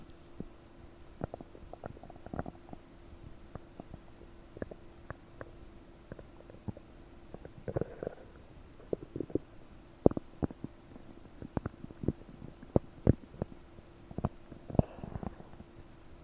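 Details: Stomach noises about 9 hours after eating 30 prunes, recorded with a desktop microphone, belly bubbly and bloated: frequent bubbling, popping and gurgling over a steady hum; increased bowel sounds (borborygmi).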